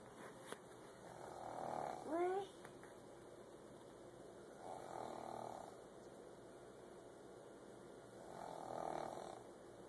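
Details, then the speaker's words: Grandmother snoring: soft, rhythmic snores about every three to four seconds, roughly 17 breaths a minute, with a brief child's voice early on. "nice loud noise? Noise. Do you hear snoring?"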